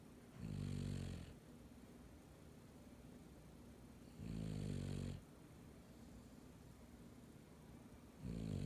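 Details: Dog snoring: three loud, low, rumbling snores about every four seconds, roughly 15 a minute, with quiet breathing between them.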